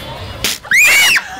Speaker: I just We just got sneezed on by a goat.